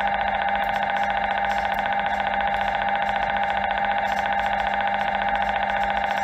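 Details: MRI scanner noise during an MRI scan: loud, continuous, rapidly pulsing buzzing drone with a steady beat.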